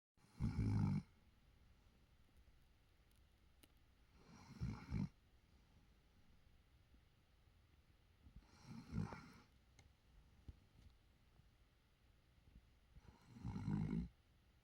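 Low, rumbling snores about every four seconds, four in all, roughly 14 breaths a minute, in a quiet room.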